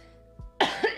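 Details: A streamer's cough: a short, sharp cough burst after a faint throat sound, quiet background music.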